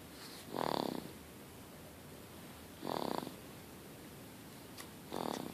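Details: Sleeping baby boy snoring: soft, fluttery snorts about every two to three seconds over a steady hiss; light snoring.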